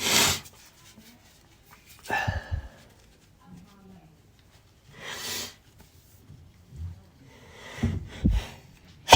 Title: Doggy allergy sneezes with some blows… some asked for blowing which I’m not into, but I tried for u